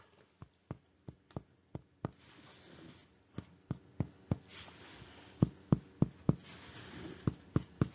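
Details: Chest percussion, dull vs resonant note.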